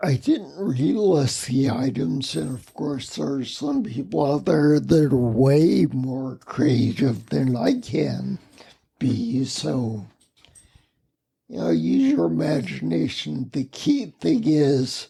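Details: Adult man with spinocerebellar ataxia, a rare neuromuscular disease, with mobility challenges and speech impediment for over 20 years; ataxic dysarthria.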